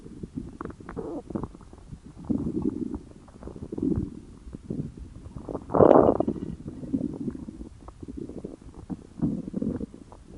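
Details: Stomach growling (borborygmi) from hunger: low rumbling gurgles in waves with irregular pops and one louder gurgle midway.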